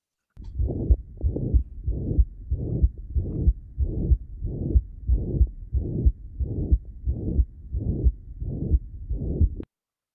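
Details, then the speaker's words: Man with Osler nodes and Janeway lesions, suspected infective endocarditis, auscultated at the apex; regular heartbeat near 92/min with a flat, plateau-shaped murmur spanning all of systole: holosystolic murmur (mitral regurgitation). "what i'm hearing is a holosystolic murmur um and it's a meaning it's it's it's it's panning across the entirety of systole and it's flat and plateau in shape"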